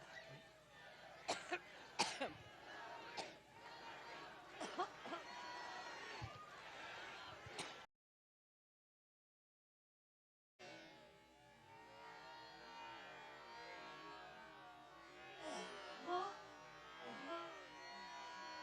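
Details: Adult woman speaking at an event in Cleveland, Ohio, has a violent coughing fit: a run of sharp, forceful coughs and throat clearing, with room noise.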